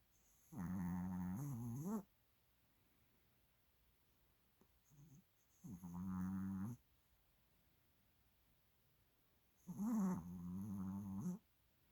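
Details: Pet snoring: three long, loud, rumbling buzzy snores about 4 seconds apart, with quiet pauses between and a soft snort in one pause.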